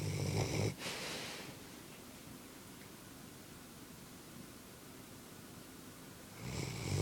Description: Wilma snoring